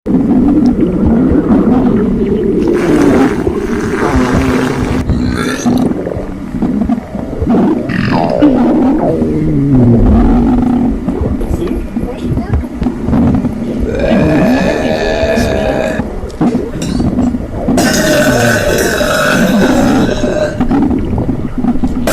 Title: Stomach Sound With Burps And Farting